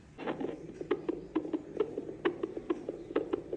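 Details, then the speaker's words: Fetal Doppler at full-term (nine months) pregnancy, mother in mild labor pain, baby not yet descended and lying straight, heartbeat found on the usual line: rapid, regular whooshing at about 130–140 a minute; normal fetal heartbeat. "देखिए इस patient की धड़कन हमको यहां पे मिली है। ये थोड़ा लेबर पेन में तो है लेकिन अभी बच्चा बिल्कुल भी नीचे नहीं है।"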